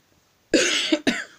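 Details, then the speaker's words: Adult who apologizes for still coughing gives two harsh, noisy coughs in quick succession, the first longer than the second. "excusez-moi je tousse encore"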